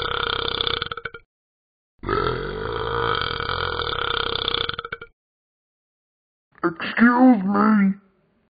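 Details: Animated dog character from the Talking Ben app with three long, loud, rumbling burps, the last ending in a voiced groan; simulated burping.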